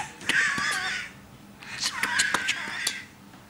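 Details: Man, a non-smoker presented as harmed by others' tobacco smoke, who has lost his voice and is barely audible; severe dysphonia (near loss of voice).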